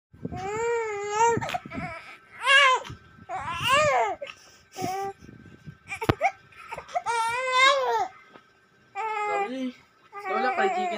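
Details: Loud, wavering cries from a young child in bursts, with short breaths and whimpers between them: crying.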